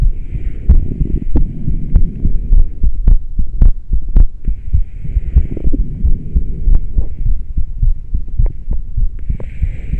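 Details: Fast, deep heart thumps around 105 a minute over rustling and airy breathing, recorded while rebreathing into a plastic bag through a straw after about ten minutes of intermittent rebreathing; rapid heartbeat.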